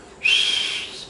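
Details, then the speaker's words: Imitated sound, not a real recording: a high, steady whistle under a second long, mimicking the noise high-flow oxygen makes through nasal prongs when airflow is increased on a ward. "Number 3, when you increase in the airflow to here, it will producing whistling noise like when you are inserting 3 or 4 patients in your ward, what happened?"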